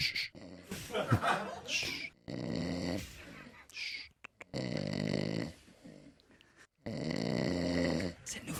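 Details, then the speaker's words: Loud, rough, rattling snores in repeated long bursts with short quiet gaps between breaths from someone heard on a radio call; snoring. "vous allez nous engueuler nous parce que pasant qu'on est en train de poser des questions d'un seul coup on vous entend ronfler c'est quand même pas de notre fautez"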